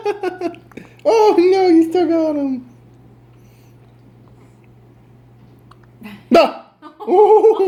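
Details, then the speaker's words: Child with hiccups talking and laughing in a small room, with a sudden short catching hiccup sound near the end. "You have the hiccups. Oh."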